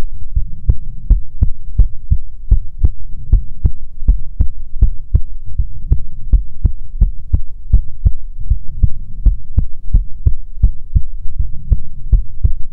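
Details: ASMR heartbeat recording: steady, regular low thumps, beat pairs roughly 75–80 a minute, soft background hum; normal heartbeat.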